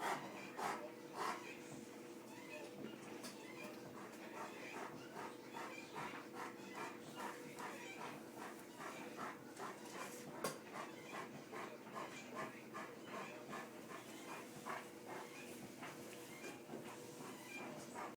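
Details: Dog coughing repeatedly in short, harsh bursts over a steady low background hum.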